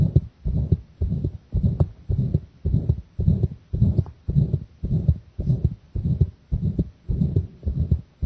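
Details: Own heartbeat recorded under chest pressure, pounding from the start: strong, rapid, regular thumping at about 110 beats a minute, recorded close against the chest.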